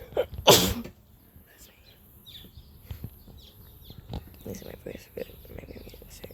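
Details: A person sneezing outdoors in nature in Australia: one sharp, explosive sneeze, followed by outdoor background with birdsong; a single sneeze.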